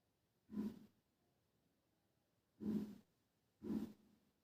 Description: me and my grandma talking and suddenly she fell asleep and snoring.